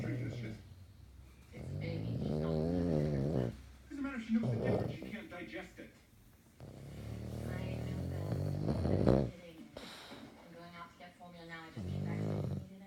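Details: Snoring during sleep: loud, vibrating, droning snores with throaty rattles and snorts, some breaths longer than others.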